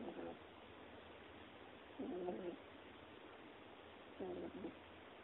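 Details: Very tired 3-month-old infant snoring in sleep: soft, squeaky, cooing snores with each breath, about 27 a minute, over a steady background hiss.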